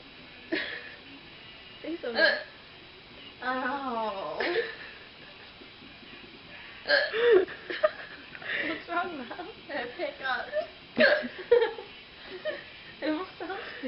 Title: Drunken sexy girl got Hiccups | Drunk Girl Hiccups